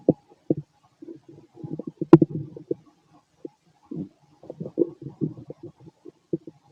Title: Fit male stomach noise after bowel movements